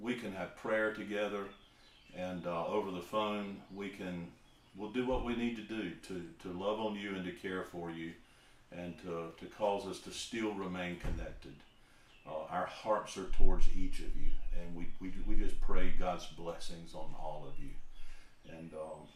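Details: Adult man who was a profuse stutterer as a child and adolescent and says he still stutters; stuttering.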